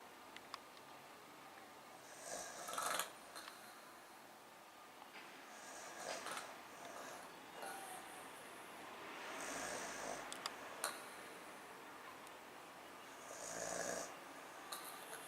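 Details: Overweight, balding man asleep on a couch: soft, uneven snorting snores every few seconds over steady room noise; snoring.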